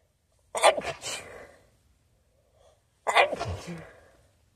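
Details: Person sneezing into a new feather pillow, suspecting the nose reacts to feathers, with sniffles: two sharp, explosive, slightly muffled sneezes about two and a half seconds apart; sneezing.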